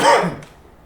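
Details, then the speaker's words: Single short, rough throat-clearing cough from an adult who says he got sick during the week and is not getting over it. "i got a little sick during the week just not getting over this trying to get as much out as possible that's what i got going on i'll be scared to cough around [ __ ] you can hear it"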